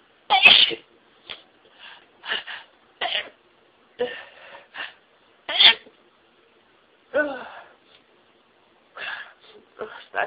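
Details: Self-recorded intense sneezing fit, intensified by stifled sneezes: a rapid run of about a dozen short, sharp sneezes, some partly held back, with quick catch breaths between.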